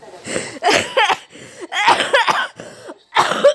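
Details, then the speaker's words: An adult woman seized by a coughing fit while recording a voice-over in a small room: a burst of about four harsh, irregular coughs. "Ay, öksürük tuttu."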